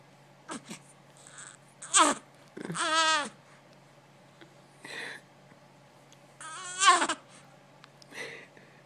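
Scattered soft grunts, sighs and brief whimpering vocalizations from a sleeping baby in a quiet room; ordinary infant sleep noises.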